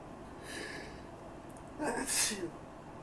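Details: Allergy sufferer in a long sneezing fit: a soft catching breath, then a sharp, forceful sneeze burst; allergic sneeze.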